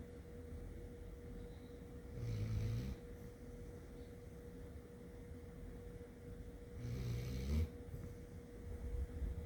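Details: A sleeping dog, a black Lab per the tags, snoring: two low, rumbling snores over a steady background hum.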